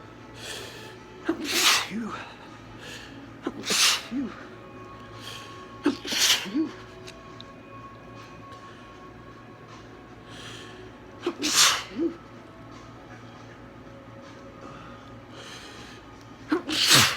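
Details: Five sneezes into a handkerchief during spring allergies, each a sharp indrawn breath then a hissing burst, with quiet room hum between; a strong perfume was noted.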